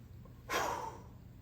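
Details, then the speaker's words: Peak flow maneuver, demonstrated during respiratory therapy instruction with the patient sitting upright, lips sealed on the mouthpiece after a deep breath in: a single short, sharp, forceful maximal exhalation. "I want you to take a nice deep breath in, and I want you to blow the air out as fast as you can, as if you're blowing candles across the room, just like this."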